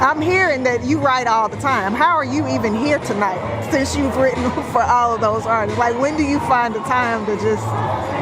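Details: Adult woman speaking; Normal speech.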